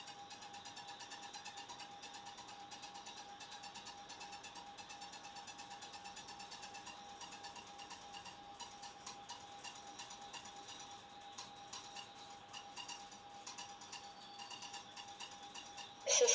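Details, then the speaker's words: Digital automatic blood pressure monitor measuring, shown during a repair: quiet steady tone with soft regular ticking through the cycle; reading 122/76, pulse 71, normal by WHO standard. "ready please relax and don't we will start to measure now"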